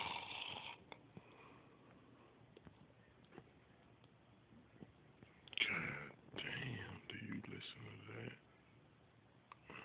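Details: Sleeping adult woman, recorded on an Android phone: loud, harsh, rattling snores during breathing, with quiet stretches between them; snoring.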